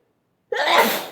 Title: Three Dusty Sneezes